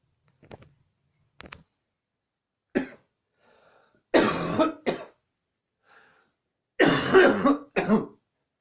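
About seven harsh coughs in quick, uneven bursts with short gasps between, a coughing fit.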